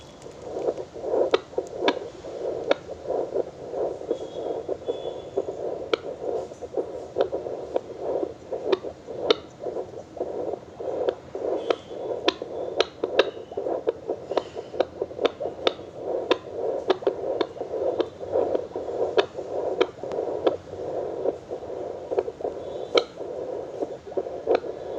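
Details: Fetal heartbeat picked up with a handheld FD9714 fetal Doppler: fast, steady whooshing pulses with crackling clicks.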